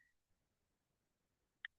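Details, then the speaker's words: Needle EMG in a relaxed muscle: a single dull pop from a quiet baseline, a fasciculation potential; these fire slowly and irregularly, like popcorn popping. "So these uh are casculation potentials. They're very slow, irregular, sound like dull pop uh corn popping on the uh corn popping"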